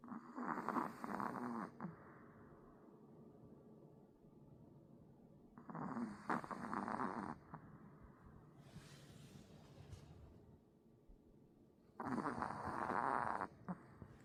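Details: Sleeping Pomeranian puppy snoring: three long, rough, rattling snores about six seconds apart with quiet breathing between, about 10 breaths a minute.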